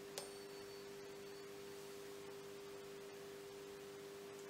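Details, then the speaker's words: Rinne hearing test during cranial nerve VIII examination: struck tuning fork giving a brief strike then steady pure ringing tone over faint hiss; patient reports hearing it better at the front. "So this is a tuning fork, and this feels like this, and sounds like this, alright?"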